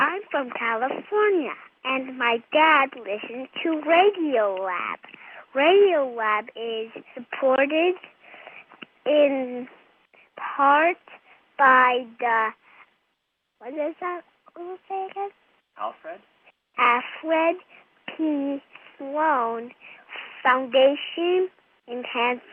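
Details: Male with very slow speech and movement after a traumatic brain injury, hit by a car at age 8 and in a coma for 5 months, speaking before singing a song: dysarthria after traumatic brain injury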